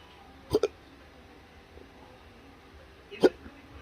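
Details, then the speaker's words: Adult in a cancer study with intractable hiccups and choking spasms: sudden brief throat catches, a quick double one, then another about three seconds later, in a quiet room; hiccups. "I know that the hiccups will probably stop before I get there because they like to stop for doctors"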